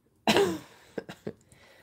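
One strong, harsh cough followed by three or four softer, short throat-clearing bursts in a quiet room; a lingering cough from a cold.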